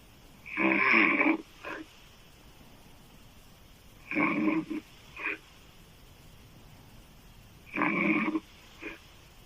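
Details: Adult female, open-mouth loud snoring described as sounding like a man's: loud, rattling snores, each with a short follow-on snort, about three breaths in ten seconds, in a quiet room.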